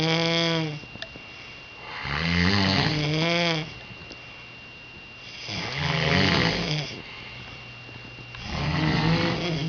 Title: talking in snores